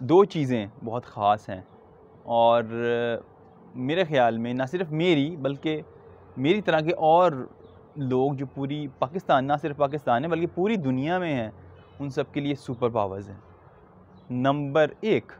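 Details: Stuttering in an adult man who stutters, speaking Urdu; stuttering.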